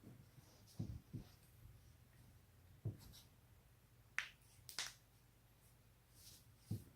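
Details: About six sharp pops and clicks at irregular intervals against quiet room noise as the neck and lower back are twisted to crack them; joint cavitation.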